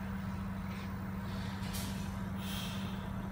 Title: Oxygen Concentrator